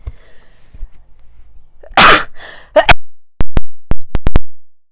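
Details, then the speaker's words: A person announces they need to sneeze, then a single loud, explosive sneeze bursts out in a quiet room, followed by a few sharp tapping or clicking sounds. Sneeze. "Là, j'ai éternué. À mes souhaits, à mes amours."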